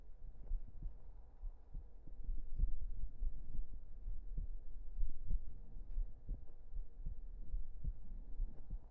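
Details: Close-up heartbeat recorded for ASMR: soft low thumps under a muffled rumble; ordinary normal heart sounds.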